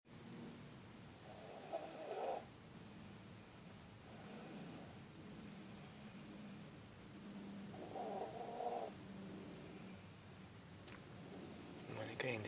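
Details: Snoring in a car: soft rough snoring in two long breaths over about twelve seconds, with a steady car hum behind.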